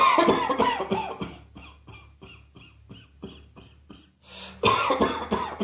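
Loud coughing at the start and end, with a run of quieter repeated coughs or throat clearings between, over faint background music.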